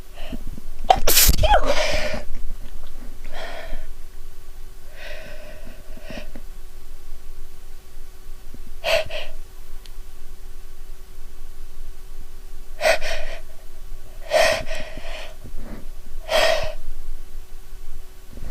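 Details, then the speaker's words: Woman sneezing repeatedly after sniffing a sneeze-triggering soap, nose tickling and eyes watering badly: one forceful sneeze, then gasping in-breaths and several smaller sneeze-like bursts. "I'm going to sneeze again it tickles my God my eyes are watering so badly"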